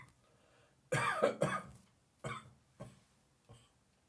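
Five harsh, unproductive cough bursts, the first two close together, then fading single coughs; a dry cough without wet rattle.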